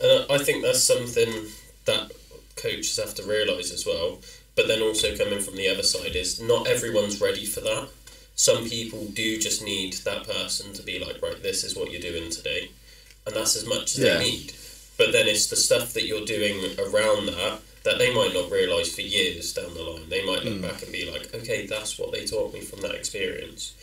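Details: Adult speaker; typical speech.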